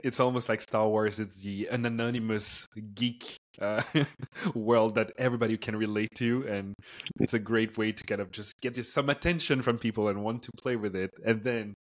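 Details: Adult male speaker; normal speech.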